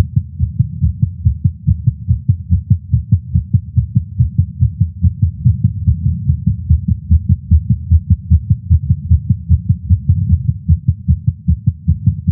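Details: Rapid, steady, low heartbeat thumps at about 145 beats a minute through a stethoscope, from a male smoking a cigar after a long break and feeling lightheaded; tachycardia attributed to nicotine.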